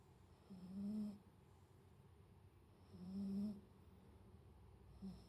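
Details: Sleeping cat snoring: soft, low, buzzing snores about every two and a half seconds, roughly 25 breaths a minute, over quiet room noise.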